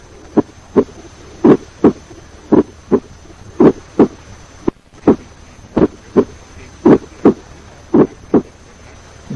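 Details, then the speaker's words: Ejection systolic click heard just after the first heart sound, auscultated at the pulmonary area with the stethoscope diaphragm, compared with normal heart sounds; teaching recording. "Listen to the ejection systolic click just after the first heart sound. Listen again, first to normal heart sounds and then with the ejection systolic click."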